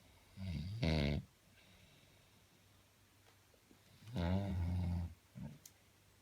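Two deep, rumbling, vibrating snores, each ending in a short puff of breath, in a quiet room. Snoring.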